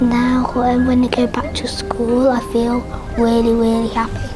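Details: Cluttering, a fluency disorder similar to stammering, diagnosed in a seven-year-old boy who attends a stammering support centre, does tongue exercises and is improving.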